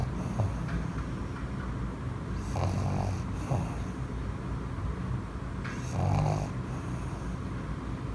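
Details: Pug snoring while asleep on his owner with his eyes open: low rumbling snores with snorting bursts on two breaths, over steady low background noise; dog snoring.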